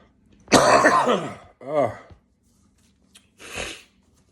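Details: Three coughs from an adult who is sniffing and suspects it might be Covid: a long harsh burst, a shorter voiced cough, then a softer one, with silent gaps between; cough.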